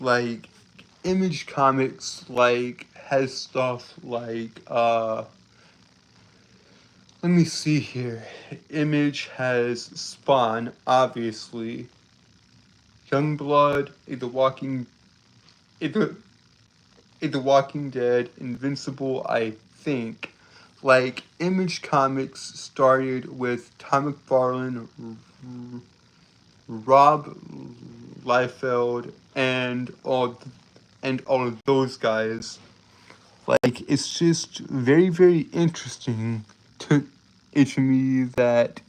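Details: Stuttering in a male streamer who says he has a speech impediment that makes him stutter and trip over his words; repeated phrases are heard.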